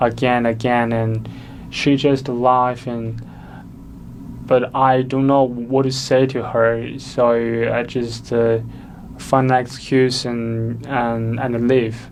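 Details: Stuttering in an adult.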